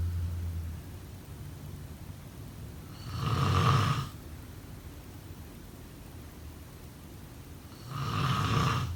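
Deep, low rumbling snores every few seconds during sleep, with quiet breathing and room hum between them. Snoring.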